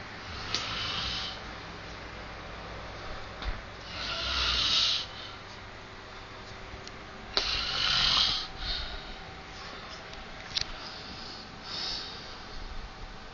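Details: Sleeping adult male, apparently lying not on his side: harsh, hissing breaths at about 17 a minute, some ending in snorts, keeping another person awake for hours; snoring.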